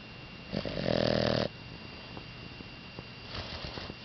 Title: Spinner snoring